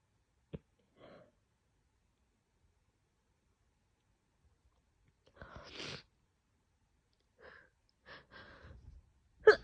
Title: trying to stifle my morning sneezes (trying ok) [F] - stifled, let out, morning sneezes